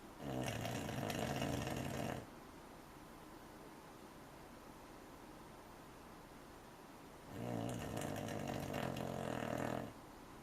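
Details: Two long, rough, buzzing snores about seven seconds apart with quiet breathing between, from a sleeping American Cocker Spaniel puppy; ordinary snoring.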